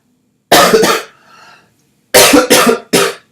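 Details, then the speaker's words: Persistent cough the speaker says he can't get over: two bursts, a double then a triple cough, about five dry, forceful coughs in total. "darn can't get over this cough here"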